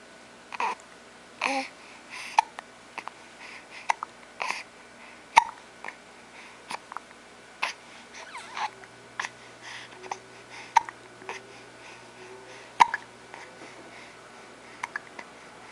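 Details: Repeated short, abrupt hiccups roughly every second, mixed with soft babbling in a quiet room; hiccups.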